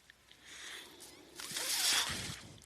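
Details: Speaker's own mechanical ventilator during a spoken podcast: soft airy hissing rises and falls in two gusts, a gentle one then a louder push of air, as breaths are delivered.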